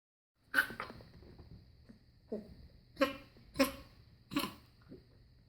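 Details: A young puppy gives about six short, harsh, honking coughs with gagging, typical of kennel cough.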